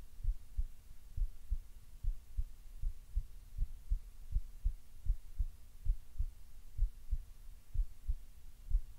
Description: Relaxed but still a little fast